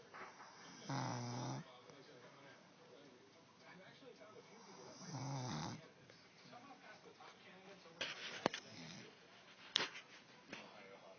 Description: The wife doing more snoring